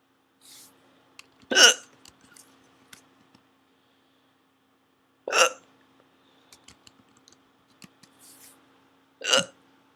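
Three sharp, abrupt hiccup sounds a few seconds apart in a quiet room, with faint clicks between them; hiccups.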